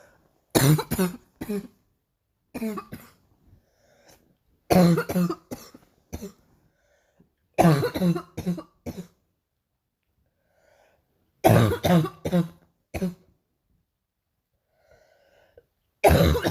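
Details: Painful morning cough: five bouts of harsh, forceful coughing, each a rapid run of several explosive coughs separated by quiet pauses.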